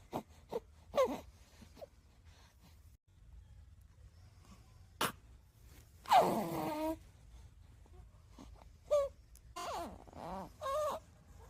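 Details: Soft scattered squeaks, grunts and brief cooing cries from a newborn baby boy over quiet room noise; normal newborn vocalizations.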